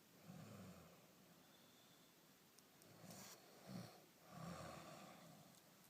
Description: This is so funny! Owner sleeping with pet snores alike!!!!